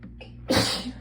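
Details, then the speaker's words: Single loud, forceful sneeze after a brief catch of breath, during a sneezing fit set off by being cold while sitting in cold bathwater; the person also gets sneezy when tired. "i usually sneeze a ton but also oh there we go um i tend to get uh very sneezy as well"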